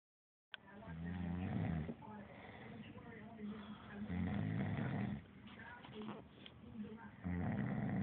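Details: Person who snores every night, with loud, rough, low rattling breaths and brief quieter pauses between them: snoring.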